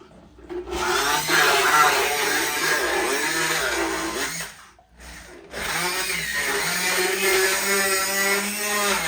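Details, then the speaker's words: Sedated horse during a routine dental float, with the tool only slightly warm: a steady motor whine with grinding and rasping, briefly stopping, with music underneath; motorized equine dental float. "people always worry about heat on these tools and there's no heat a little warm but it's not hot it's not going to do any damage to the tooth"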